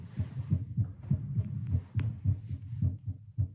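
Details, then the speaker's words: An adult's own heartbeat heard through a Littmann CORE stethoscope during 10 squats: a regular beat near 100 a minute, rising from a seated baseline of about 78 to a peak of 115; exercise-induced tachycardia. "I like how it sped up really fast. Like, as soon as I stood up, it went up to, like, 85, and then it was quick to go into 100. The highest I saw on here was 115."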